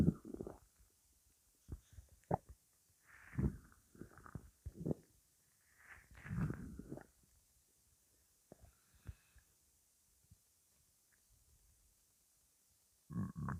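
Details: Bowel sounds (borborygmi): irregular gurgling rumbles and squelches from the stomach, separated by quiet gaps; the person describes the stomach noises as weird.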